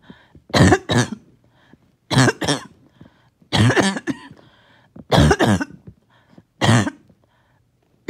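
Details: Repeated paired cough bursts, about five bouts over eight seconds; first coughing fit of the day, struggling to bring up mucus that would not come up.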